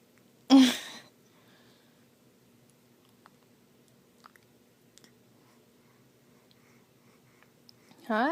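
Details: Infant boy, a day shy of three weeks old, wakes himself with a single sharp sneeze, then begins to fuss or cry.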